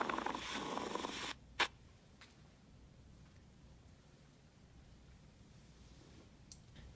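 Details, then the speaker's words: Pleural friction rub: a brief harsh grating sound like leather rubbing together, then quiet, from inflamed pleura rubbing together. "the next sound will be a plural friction rub which is caused by inflamed plura rubbing together and sounds like a grading sound or like leather rubbing together"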